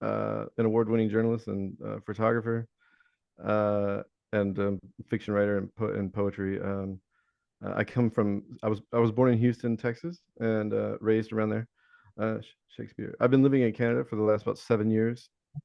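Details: Adult male Navy veteran with Tourette syndrome; most common vocal tic is the word "Shakespeare", among other tics, occurring hundreds of times daily, which he links to OCD (vocal tic, Tourette syndrome).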